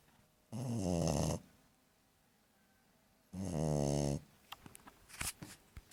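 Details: American Staffordshire Terrier puppy snoring while asleep: two loud, rumbling snores on inhalation separated by quiet pauses; ordinary snoring.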